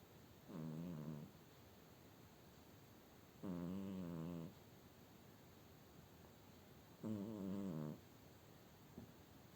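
Soft, tonal, human-like snores, three in about ten seconds, with quiet gaps between breaths; snoring at roughly 17 breaths a minute.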